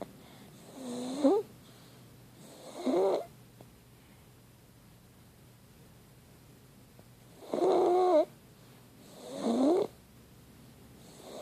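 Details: Irregular wheezy, whistling snores in short bursts with long quiet gaps: a resting animal snoring.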